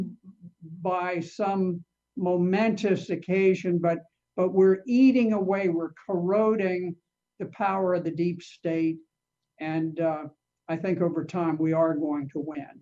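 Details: Adult speaker; normal speech.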